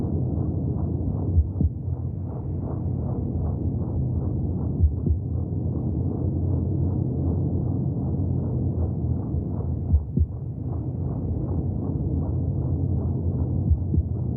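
Steady, rapid, muffled whooshing beats under a constant low rumble; fetal heartbeat heard from the womb.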